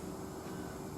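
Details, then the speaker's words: Steady pump hum and rushing air as the pump attached to the end of a breath-collection receiver mask feeds air in before breath collection starts for a breath test. "then I need to attach my pump the end here and you'll hear the the air going into the mask"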